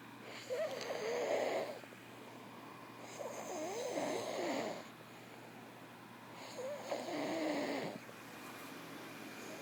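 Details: Three long, rattling, whistly snores at a steady pace of about 20 a minute over a low room hum; ordinary snoring in sleep.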